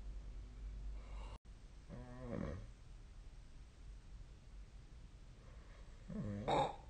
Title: 🐽 本日のイビキ / Snoring Sleep Sound 2025/03/11